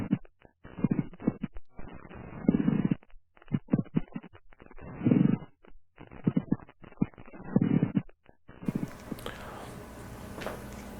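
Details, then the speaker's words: Pleural friction rub, taught as a leathery, Velcro-like sound: scratchy, leathery rubbing bursts repeating with breathing, from inflamed pleural layers. "oh it's a friction rub friction rub a friction rub a plural friction rub and pericardial friction rubs those are two kinds of friction rubs"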